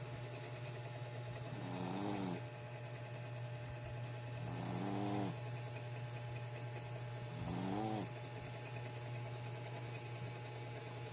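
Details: Snoring from a black Shih Tzu x American Pekingese pet dog: three slow, rhythmic, buzzing breaths about three seconds apart over a steady hum.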